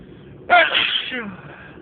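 A single sharp, explosive sneeze after a brief quiet lead-in, trailing off into a short voiced tail: one sneeze.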